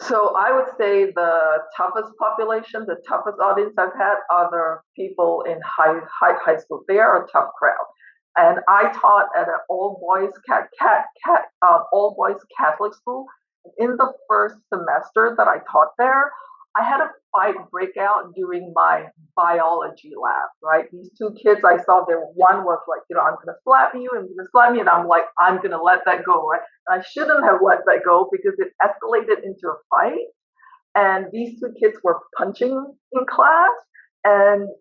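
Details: Adult woman professor who stutters and uses no fluency techniques while teaching; part-word repetitions; stuttering.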